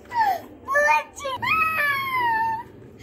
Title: cute little baby crying for chocolate ! funny video !